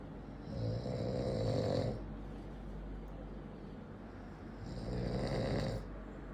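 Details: Man snoring: two long, loud, rattling snores on breathing in, about four seconds apart, with quieter breathing between; heavy snoring.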